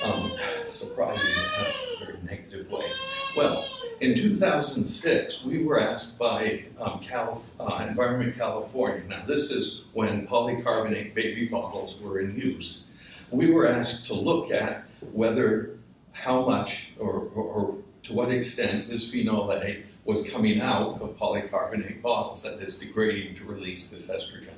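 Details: Adult male speaker with essential tremor affecting his voice; his father had it in his hands: essential voice tremor.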